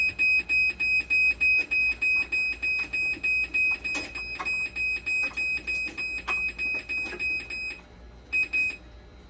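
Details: Rapid, regular high-pitched beeping, about 200 a minute, with faint room noise, from a dialysis machine under repair with conductivity fail, 12-volt and BP cuff problems while boards are swapped; dialysis machine alarm.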